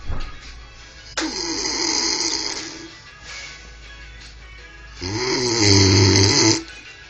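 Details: Snoring in a man after heavy drinking: two loud, harsh, rattling snores on the in-breath separated by a quieter pause, with faint music behind.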